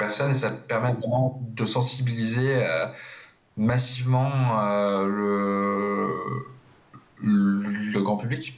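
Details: Stuttering in an adult who stutters and presides over a stuttering eloquence competition.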